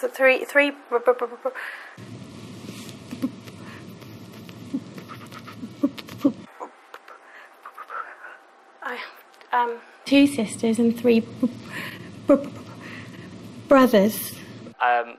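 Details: Stuttering in a male new student the night before a four-day McGuire Programme stammering course, speaking in his old way before learning its breathing technique.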